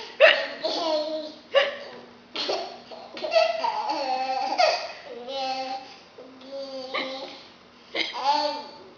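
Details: Fake, simulated hiccups made by a mother while a child laughs: about seven sudden, sharp vocal catches in nine seconds, mixed with laughter; hiccups.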